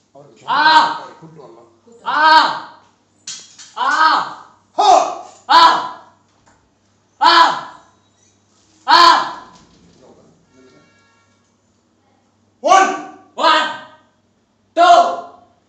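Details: Male puberphonia (mutational falsetto) case recorded in December 2019; he speaks and shouts in the clinic after an ENT procedure.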